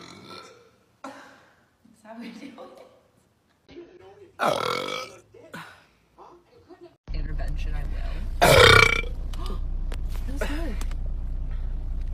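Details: Girl in public: two long, loud belches between short bits of talk and room noise; burping.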